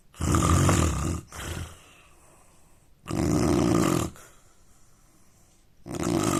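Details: Loud, deep, rattling snoring from an Indian man, about one-second snores on each in-breath with quiet pauses, roughly 20 breaths a minute.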